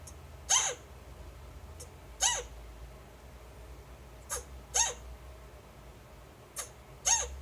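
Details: Chinchilla hiccups after mating: six short, high, squeaky hiccup-like chirps at irregular intervals over about seven seconds.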